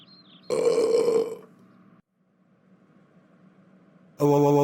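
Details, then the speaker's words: Simulated cartoon sound-effect burping: a short, loud, buzzing belch, then a quiet tone, then the start of another belch, as a character is scolded for burping. "hey don't burp that is so rude i told you not to burp if you burp one more time i will ground you for 50 millenniums"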